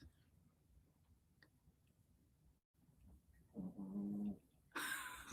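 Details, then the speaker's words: A quiet room, then a single loud, buzzy, high-pitched snore from a small female dog, followed by a rough breathy rush. "It's funny to me that she snores that loud and B doesn't snore at all. He's like this 85 pound dog."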